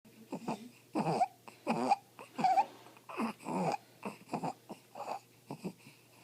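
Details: Infant crying and fussing with harsh, noisy, high-pitched breath sounds from a narrowed upper airway: stridor.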